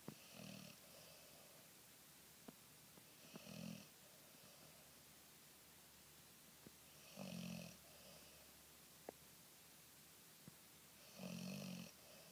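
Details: Snoring while napping on a heated pad: quiet, regular snores about one rough breath every four seconds, with a faint nasal buzz and a few clicks in a quiet room.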